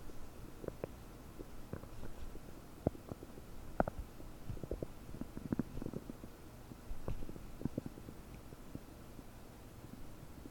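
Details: Stomach noises about 9 hours after eating 30 prunes, recorded with a desktop microphone, belly bubbly and bloated: frequent gurgling, bubbling bowel noises with scattered sharp pops; increased bowel sounds (borborygmi).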